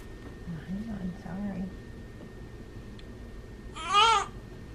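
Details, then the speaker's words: Newborn girl just after birth following scheduled induction, 21.25 inches long, third child: brief high-pitched wavering cry after soft fussing and room noise; normal newborn cry. "her voice sounds different yeah can you leave the i think it's been a long time since we've heard a newborn there too"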